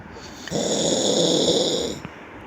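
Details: Snoring during sleep: a single long, rough, rattling breath lasting about a second and a half.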